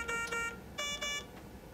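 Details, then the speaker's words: Avea ventilator alarm on power-on via the rear switch during basic setup: two pairs of short, high electronic tones, an expected start-up sound. "the avea will alarm when it turns on"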